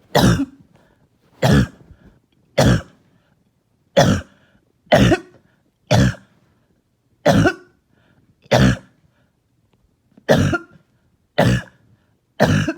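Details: Barking and hacking cough all night: eleven harsh, single coughs about a second apart, each with a low barking quality, in a quiet room.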